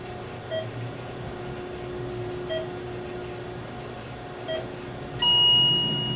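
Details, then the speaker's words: Soft tones repeating every two seconds, then a sustained higher alarm tone, from a Philips MMS patient monitor during ECG testing, with the patient simulator set to 30 beats per minute: low heart rate alarm. "We'll start at 30. Just get the low alarm here."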